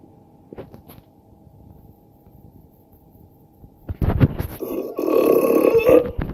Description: She burps like a man lol...